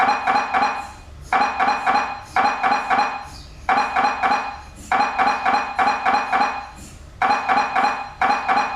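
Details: MRI scanner noise: loud rapid mechanical knocking in bursts of about a second with short pauses between.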